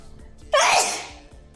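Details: Girl sneezing spontaneously during a stream: a single sharp, explosive sneeze with a hissing burst fading over about half a second, over faint background music.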